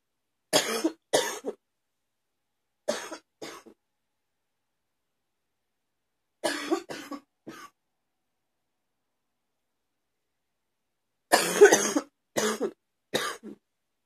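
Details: Morning cough: four bouts of harsh coughing, two to four coughs per bout, about twelve coughs in 14 seconds; cough.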